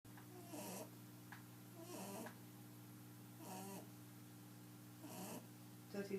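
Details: 11-year-old albino rabbit snoring so loudly he keeps everyone up at night; normally sleeps with eyes open.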